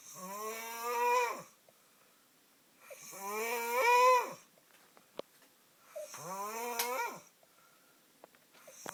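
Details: Loud, drawn-out vibrating snores with a rising buzzy tone on each breath, about 21 a minute, from a sleeping brother; heavy snoring.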